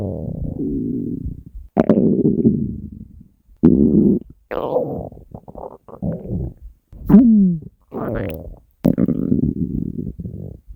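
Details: Hunger stomach growling (borborygmi): loud, long low gurgling growls in repeated bursts, some with squeaky rising tones; a normal bowel sound.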